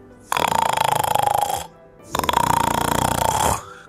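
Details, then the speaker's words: Open-mouth snoring from a stuffy, blocked nose: two loud, rattling inhalation snores of about 1.3 seconds each, as the sleeper opens the mouth because nasal breathing feels suffocating. "If it's too stuffy, you feel suffocated You can't breathe well Then you open your mouth without realizing it"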